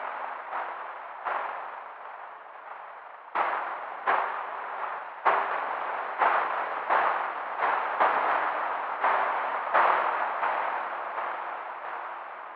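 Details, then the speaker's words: Simulated cochlear-implant hearing (MED-EL Sonnet 2) three months after implantation for single-sided deafness, reproduced through the working ear: a recorded piano heard as hissy, clanging bursts in a steady rhythm with almost no distinct pitch. "I have a piano sound that I recorded and I hear it through the implant this way."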